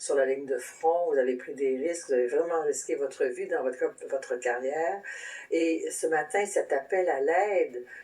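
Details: Adult host speaking French; ordinary speech.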